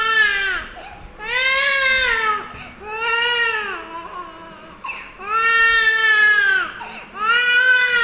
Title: kids making sounds| playing and crying| funny crying for kids